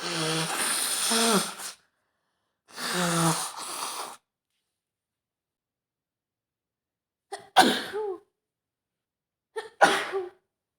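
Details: Acted scenario of a woman sick with a cold: two drawn-out voiced sneezes, then two sharper sneezes, each preceded by a quick catch of breath.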